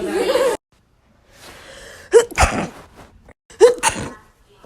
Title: SNEEZING COMPILATION